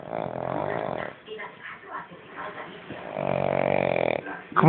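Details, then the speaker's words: Pet dog sleeping comfortably, loud rumbling snores, two long drawn-out breaths with softer snuffling between; ordinary dog snoring, said to snore like a bear all night. "Ay mi chiquinino que está roncando como un oso toda la noche y nadie podrá dormir en toda la casa"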